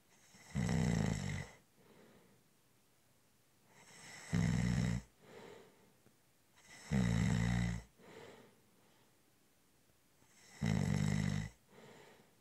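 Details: Loud, rattling snores on each in-breath with soft out-breaths between, about four breaths in twelve seconds, during a short, light nap; steady snoring in sleep.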